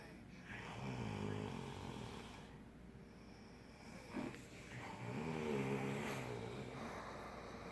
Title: The Neverending Snorey #snore #sawingwood #naptime #cozy